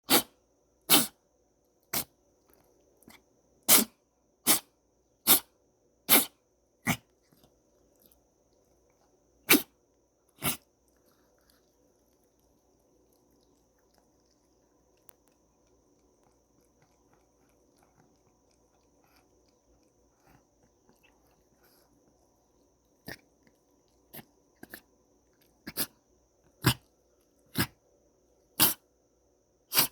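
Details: A pet cat sneezing in two rapid runs of about nineteen short sharp sneezes with a quiet pause between.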